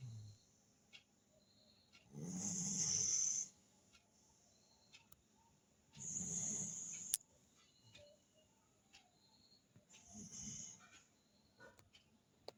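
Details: Three hissing, airy snores a few seconds apart, each followed by quiet, from a mother dog in deep sleep; light snoring.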